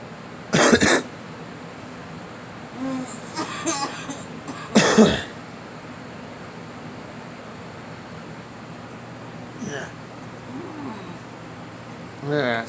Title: Me coughing